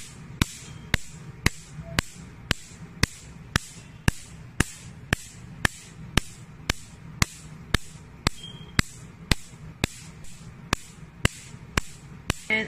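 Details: Sharp, regular snapping clicks about twice a second over a low hum: a picosecond laser machine firing pulses during skin treatment for pigmentation, acne scars or tattoo removal, operator checking customer comfort.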